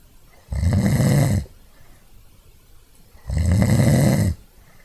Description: A short series of snores captured via the built-in mic of an Archos AV420, with minor edits in Audacity and noise reduction in Soundtrack Pro under Mac OS X.